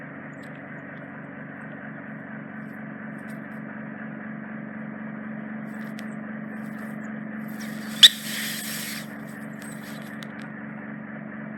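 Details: Endoscopic microsuction of deep impacted ear wax in the isthmus (narrowing near the eardrum) of a woman's ear canal, by a consultant audiologist: steady low suction hum with a sharp click and brief hissing burst as wax is drawn up.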